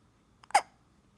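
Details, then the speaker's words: One brief, abrupt hiccup from a baby boy, fussy earlier, in the morning in a quiet room: a short catch of breath ending in a soft vocal click; hiccup. "The hiccups. The monkey boy has hiccups."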